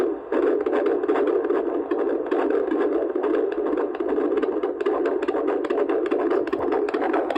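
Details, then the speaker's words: Fetal heartbeat on Doppler recorded at a routine midwife appointment during pregnancy: fast, rhythmic whooshing pulses at about 140 a minute, a normal fetal heart rate. "obviously got to hear the baby's heartbeat so I thought I would include that clip just quickly here"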